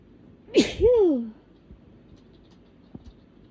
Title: Natural uninduced sneezes